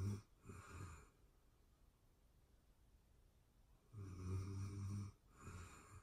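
Low rattling snores on the in-breath, with quiet pauses between them, in a hushed room.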